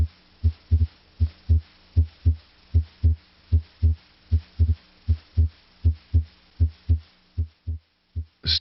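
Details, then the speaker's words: Normal heart sounds auscultated at the aortic and pulmonic areas: regular paired sounds about 78 bpm, S2 louder than S1, as expected at the heart's base. "in the aortic area and also in the pulmonic area s2 is usually louder than s1"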